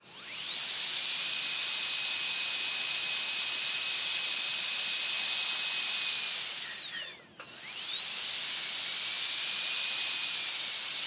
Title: Dentist Drill Start with Various Runs and Stop | Best Sound Effects Free